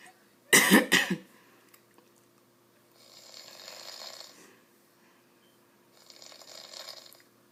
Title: Man snoring loudy!